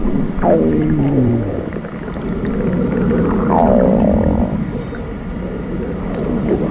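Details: Long, loud, low rumbling and gurgling stomach growling with gliding, whine-like tones; borborygmi.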